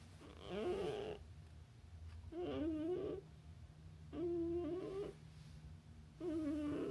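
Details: Sleeping pet cat: rhythmic, wavering snores with each breath, about 30 breaths a minute; snoring while simply asleep.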